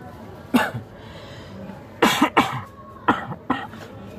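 Five short, dry, acted coughs, some in quick pairs, in a quiet room; a cough demonstration.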